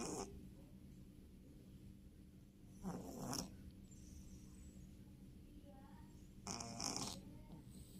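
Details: Sleeping cat: soft, raspy breathing noises recur about every three to four seconds over a steady background hiss; light snoring in a cat.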